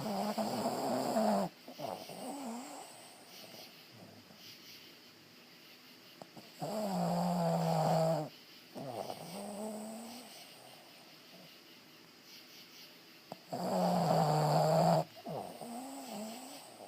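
Slow, loud, rattling snores about every seven seconds, each followed by a softer breath out; ordinary snoring.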